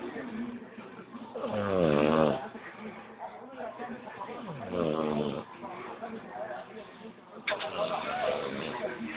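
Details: Loud, rough snoring rising and falling in pitch during a sound nap after a hard day of work, over room noise and faint background music.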